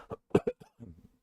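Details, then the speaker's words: Cough from an adult with a croaky, failing voice: a few short, harsh, dry cough bursts followed by a low, rough throat-clearing rumble in a quiet room. "anyway I'll be just a short sharp one because my voice probably won't hold up very long before I'm copying and spluttering and that's not"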